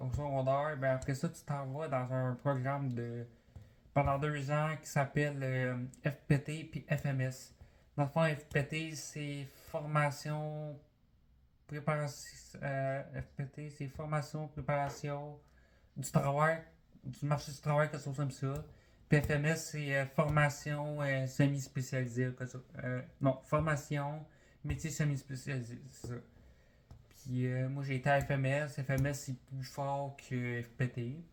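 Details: Developmental language disorder (dysphasia) in a 20-year-old man born deaf, with a cochlear implant; he has had speech therapy for language and comprehension.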